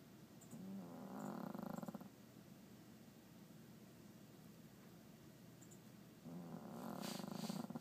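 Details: Small sleeping dog snoring: two loud, fluttering rattles on breathing in, separated by quiet breathing out.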